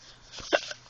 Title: hiccups :) and im with my bestie!